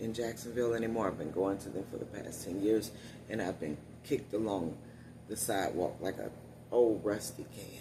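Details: Adult woman with one vocal cord paralysed, voice lost about three years ago; must put out much more air to speak and tires when speaking loudly; unilateral vocal cord paralysis.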